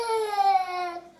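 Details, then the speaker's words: Baby crying: a single short, high, tuneful wail falling in pitch as it fades, ordinary infant cry; the baby stops crying straight away when Millie and Rupert are let in. "Look, you just stop crying straight away."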